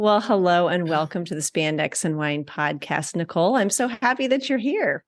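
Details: Adult woman speaking; normal speech.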